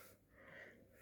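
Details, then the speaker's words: Wheezing in a person with asthma during an emergency visit for an asthma flare: a brief high-pitched whistling breath rising and fading over about a second in a quiet room. "Donc en fait, c'est lié à mon asthme, ce bruit-là, et puis cette petite infection sur La prise de sang, ils ont rien vu, qu'un petit truc, mais c'est pas alarmant."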